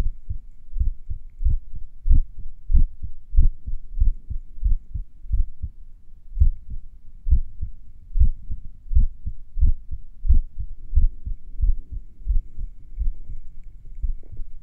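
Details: Heartbeat recorded a few minutes after morning exercise: thudding beats at about 94 per minute with gaps that lengthen and shorten, sinus arrhythmia during recovery.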